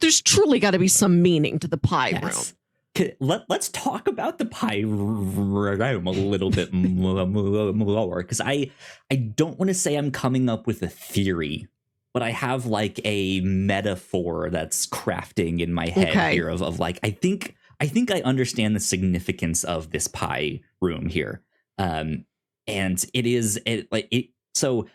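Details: Self-described stuttering in an adult male podcast host who says he has a speech impediment; repeated words heard; stuttering.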